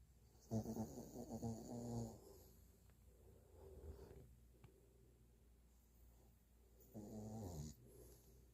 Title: snoring away #pug #sleep